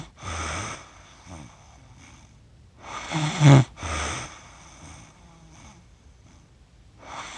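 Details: Adult who fell asleep while filming cats and recorded by accident for 47 minutes. Irregular low rattling and snorting breaths during sleep, separated by quiet pauses. Snoring.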